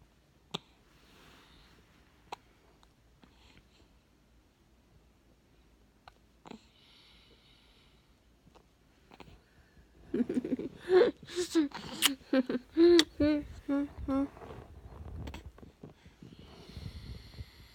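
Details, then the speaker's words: Baby with hiccups: a few faint, sharp isolated catches spaced seconds apart in a quiet room, then fussy babbling. "You got hiccups. You got hiccups? Yeah? You got hiccups?"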